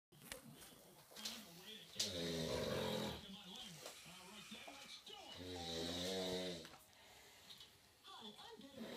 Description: My housemate snores like an elderly camel.